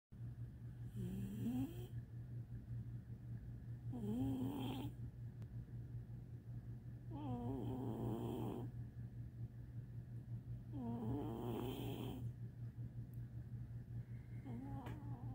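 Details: Dwarf American Shorthair cat snoring: four loud, rumbling, raspy fluttering snores about every three to four seconds over a steady low hum, until another cat smacks the window and wakes him. Snoring.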